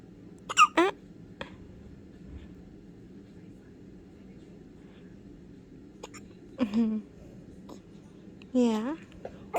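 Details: Young child with eyes open, now with hiccups: short, sudden voiced gulps recurring several times with quiet gaps.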